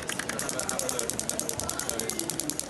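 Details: Rapid, evenly spaced sharp clicks, about ten a second, over room noise: radial shockwave therapy device with knuckle transmitter at energy 1.3, treating an athlete's shoulder fascia and trigger points.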